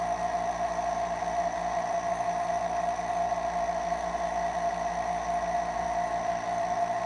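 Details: Nebulizer compressor sound.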